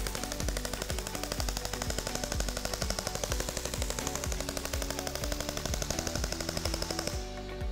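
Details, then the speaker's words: Rapid regular popping pulses, about two per second, from a Chattanooga radial shockwave handpiece treating high hamstring enthesopathy (pain at the buttock-thigh junction), applied distal to proximal back and forth; stops near the end. "C'est-à-dire que ce sont des ondes oscillantes qui ne vont pas créer de micro-lésions, mais augmenter la vascularisation."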